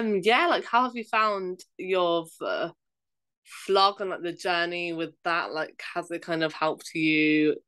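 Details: Real stammering in an adult woman, a primary school teacher who stammers, speaking English.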